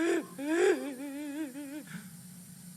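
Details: Real patient with adductor spasmodic dysphonia phonating during a stroboscopy examination; adductor spasmodic dysphonia.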